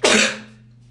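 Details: A single short, harsh throat clearing fading quickly in a quiet room, from a person with congestion who then says something is stuck and needs to blow their nose; throat clearing.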